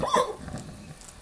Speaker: Daddy has the hiccups. I know that weird sound is scary.